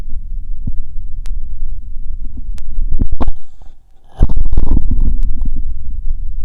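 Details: Abdominal auscultation with an electronic stethoscope wired through a 3.5 mm mini-jack; irregular low gurgles and rumbles over the abdomen. Normal bowel sounds.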